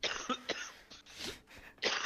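Several short, harsh coughs in quick succession from an adult, with quieter breathy sounds between them.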